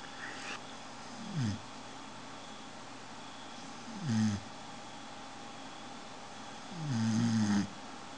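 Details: Sleeping dog snores three times, about 21 a minute, each snore a drawn-out, tuneful groan sliding down in pitch, over steady room hiss.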